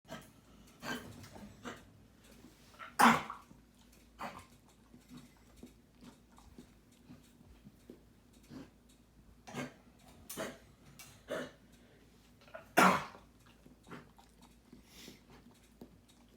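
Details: Dog whose owner wonders whether it is kennel cough or a heartworm side effect: two harsh, forceful coughs among repeated smaller huffing breaths in a quiet room; dog cough.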